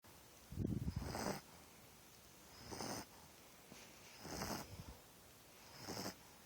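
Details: An 8.5-week-old Pitbull puppy asleep, snoring a lot: soft, rough snoring breaths about every 1.7 seconds, the first with a snort; snoring.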